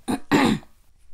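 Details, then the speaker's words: Two quick throat-clearing bursts from an adult man with a hoarse morning voice during a sermon, a brief rough one followed by a longer voiced one. "jésus entre le venir amen excusez moi là ma voix rauque au matinal"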